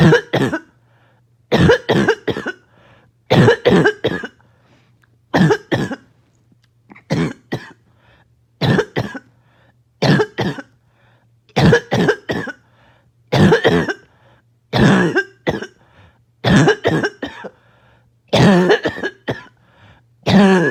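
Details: Cough set off by an itchy nose and throat: repeated harsh, explosive barking coughs with a choking quality, in bursts of two or three, about a dozen bouts.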